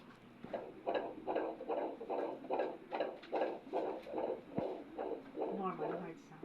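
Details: Rapid, regular whooshing pulses, about 150 a minute: fetal heart blood flow on Doppler ultrasound during a prenatal scan of a baby boy, anterior grade 1 placenta; normal heartbeat.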